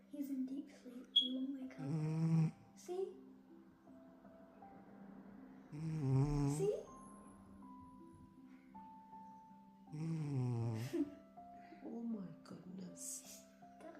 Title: My cat snores as if he is working so hard💤💤💤😹#funny#youtubeshorts